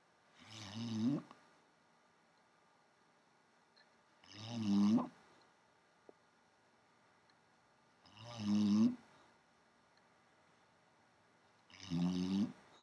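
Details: Ordinary snoring: four loud, rough snores on inhalation, about 16 a minute, with quiet pauses between. This is as quietly as she snores; at night it is at least 10 dB louder.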